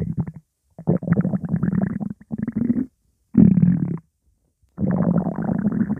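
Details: Loud, non-stop gurgling low rumbles in long bursts with brief pauses, faint background music; ordinary stomach growling (borborygmi).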